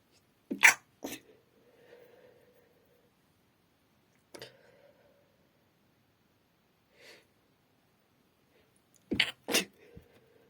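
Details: Sneezing at night in a female: two quick sharp sneezes, a single softer sneeze, then another double sneeze with quiet pauses between; sneezing.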